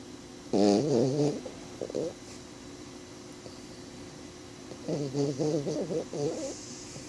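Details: Snoring during sleep: two bouts of low, fluttering, rumbling snores with quiet gaps and a faint steady hum behind.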